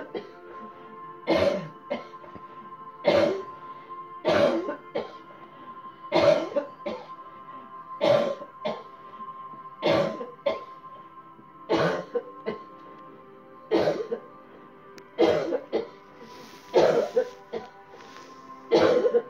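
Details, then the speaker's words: Voluntary cough: an adult coughs deliberately on cue after a deep breath in, about ten bursts, during a coughing-technique demo, over steady background music. "Breathe in deep. Deep. Deep. Cough."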